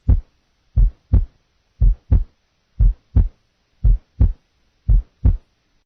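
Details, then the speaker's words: Simulated normal single first heart sound at the apex and base right; regular lub-dub at about 57 beats a minute; nursing heart-sound assessment teaching recording. "apex single first sound okay this is in effect apex for s1 base right single first sound"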